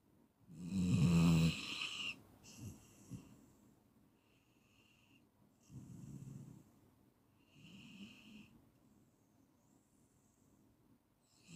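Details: Clean snoring recording for sleep induction, from a 15-minute track: a loud rasping snore, then quieter breathing cycles with a soft wheezy hiss, a few seconds apart.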